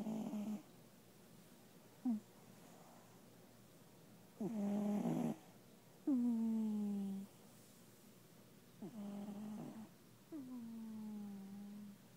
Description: Smeegies taking a nap & snoring